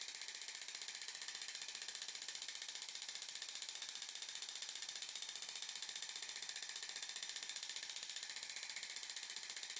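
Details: Zimmer enPuls radial shockwave, 15 mm convex head, 120 mJ, 15 Hz, 1500 shocks with ultrasound gel, single spot on lateral epicondyle for tennis elbow, demonstration patient: rapid steady crisp ratchet-like clicking pulses.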